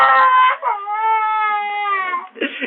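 A sustained, tonal wail lasting a couple of seconds between fussy vocal sounds; ordinary crying from a young child.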